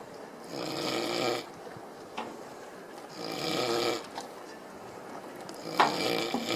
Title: Snores